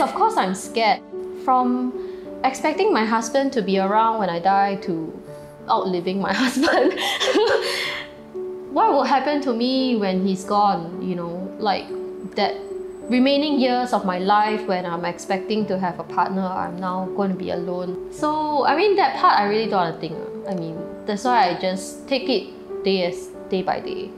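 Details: Adult woman speaking; typical speech.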